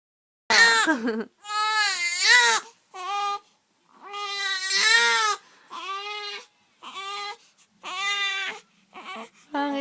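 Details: Infant cries in repeated high, clear bursts with brief pauses for breath; parent wonders if the baby is hungry and wanting to feed; ordinary infant crying.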